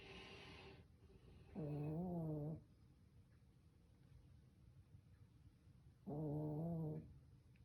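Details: A pet snoring in sleep: two loud, buzzing, tonal snores about a second long, roughly four to five seconds apart, over quiet room noise.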